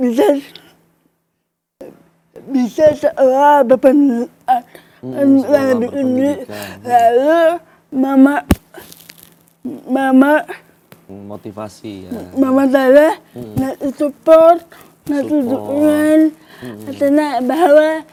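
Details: Young adult woman with cerebral palsy, a disorder of muscle movement and coordination from abnormal nerves; delayed speech, writing only at primary school, began speaking in junior high after therapy with her mother; dysarthria (cerebral palsy).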